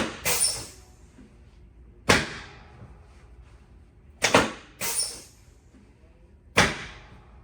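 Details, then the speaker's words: Chiropractic drop-table adjustment of a woman 37 weeks pregnant with slight sciatica, her last visit before induction, Webster technique session: five sharp thumping clacks a few seconds apart in a quiet room as the drop section releases. "We're just going to drop here. It's going to make a noise, so the baby might start moving."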